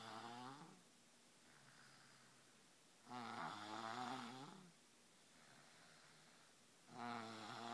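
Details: Slow, rough, vibrating snores on inhalation, two long snores in under eight seconds with quiet breathing between, from a 3-year-old child; snoring.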